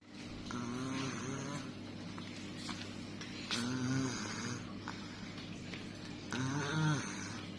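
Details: Sleeping infant snoring: rattly, vibrating noises with each breath, about twenty breaths a minute, over steady room hum.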